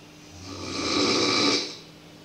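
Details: Snoring in a boarding school: one loud, harsh, drawn-out snore that swells and fades over about 1.5 seconds.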